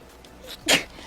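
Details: Female Twitch streamer sneezing while gaming and talking: a quick in-breath followed by one sharp, hissing burst; a single sneeze.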